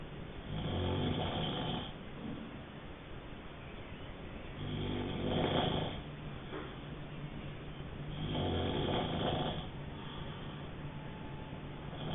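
Rough, rattling snores on breathing in, about 16 breaths a minute, with quieter breathing out between them.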